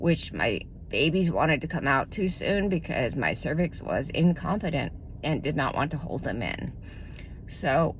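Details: Adult woman with self-reported spasmodic dysphonia, diagnosed about 2–3 years ago, which she says tends to progress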